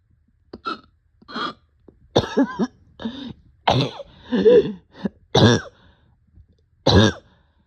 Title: Short of breath with barking cough